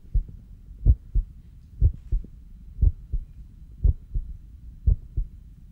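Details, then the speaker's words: Recording of a normal heartbeat: regular lub-dub at about 60 per minute, with a sharper first sound from mitral and tricuspid closure and a second sound from aortic then pulmonary closure, and no added sounds. "first heart sound is caused by mitral and tricuspid valve closure and is sharper in quality than the second sound, which represents aortic and then pulmonary closure."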